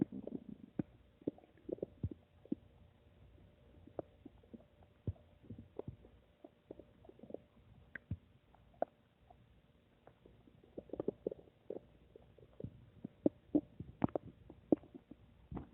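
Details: Scattered stomach gurgles, squeaks and low rumbles over quiet room noise; stomach rumbling.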